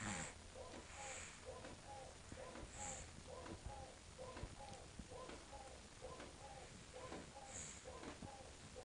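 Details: Someone snoring on a couch: rapid paired snorting breath sounds, about 66 a minute, over steady background noise; snoring.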